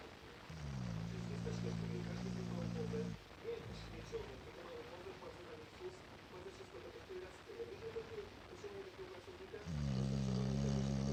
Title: Snoring dog